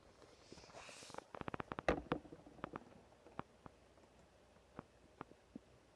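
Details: Ordinary stomach growling: quiet gurgles and short popping bursts, with faint mouse clicks in a quiet room.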